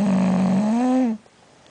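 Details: Jack the bulldog snoring during a mid-morning nap: a single steady, buzzing, tonal snore lasting about a second, pitch rising slightly before stopping abruptly into quiet; dog snoring.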